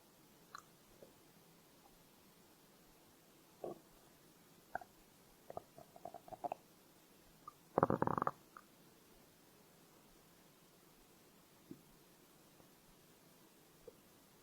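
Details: Scattered soft stomach gurgles and pops with one longer rumbling growl in a quiet room; ordinary hunger-related borborygmi.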